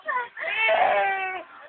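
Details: Baby who has just woken up: a short whimper, then sustained, strong wailing cry.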